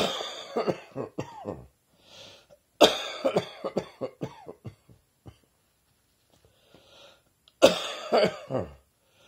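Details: Coughing with a summer cold: three bouts of rapid, harsh coughs, several coughs each, in a quiet room.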